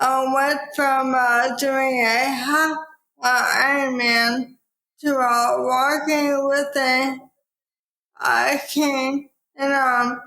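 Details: Dysarthria in a woman with probable ALS, diagnosed in 2014 at age 33 after rapid early progression (from Ironman racing to walking with a cane within six months), now about ten years after diagnosis.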